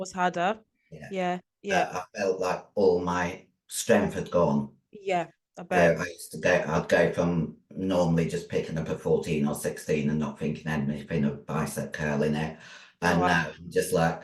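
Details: Androgen-induced voice deepening (virilized voice) in a 56-year-old female bodybuilder after large-dose anabolic steroid use, including male steroids; voice formerly high-pitched, now very deep, can no longer sing; also has chronic kidney disease.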